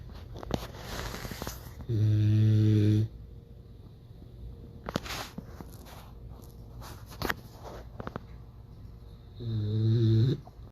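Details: 3-month-old Cane Corso puppy sleeping in owner's arms: two loud, low, rumbling snores on the in-breath about eight seconds apart, with quiet breathing and room noise between; snoring.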